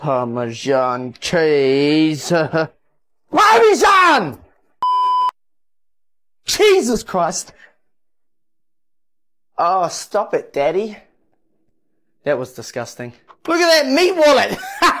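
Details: Involuntary words and phrases from an adult man with Tourette syndrome; Tourette syndrome vocal tics.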